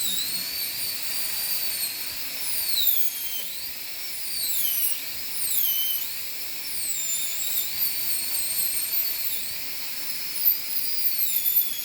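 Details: High-speed dental drill during anterior PFM crown preparation after basic reduction, as the margin is made: high-pitched whine rising and dipping in pitch as it cuts tooth.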